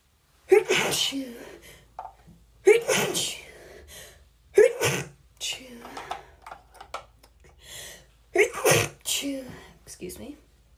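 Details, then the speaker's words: Woman with bad allergies and swollen eyes: a compilation of several sneezes in a row, each a sharp inhaled gasp then a loud burst, with brief vocal sounds between. "This is a compilation of me sneezing."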